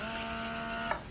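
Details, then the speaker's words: Steady electric motor hum with faint whine and brief click from a Bellababy electric breast pump; higher levels felt painfully strong on the nipples. "level two is it like and it would it would do the job it would do the job can you hear that sound like that's too much that"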